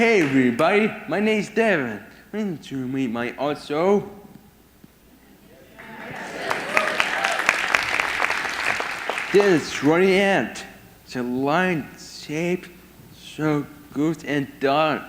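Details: Man with severe autism whose speech is expected to be hard to understand; speech impairment associated with severe autism.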